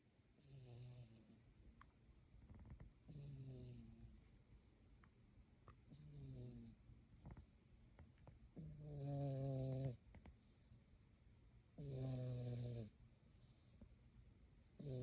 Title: Elsa😈 snoring away. 💤😴😹